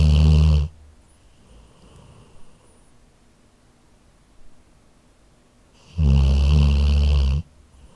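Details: Labrador dog snoring while asleep, recorded on an H4n handheld recorder: loud, deep, buzzing snores with long quiet pauses between breaths.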